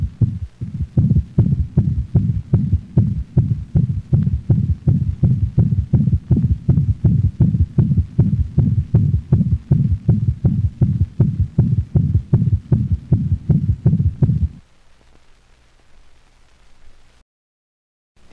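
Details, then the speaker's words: Dog in heart failure with mitral insufficiency: fast heartbeat with a loud murmur followed by a low-frequency thud, an intensified third heart sound (S3 gallop) that may be confused with the second sound. "listen to the next recording of a dog in heart failure the third heart sound is a low frequency sound that gives the impression of a thud after the murmur"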